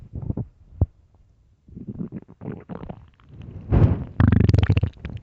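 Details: Early-morning stomach growling recorded for headphone listening: loud, deep gurgling rumbles in bursts, ending in a fast fluttering growl; ordinary hunger-type borborygmi.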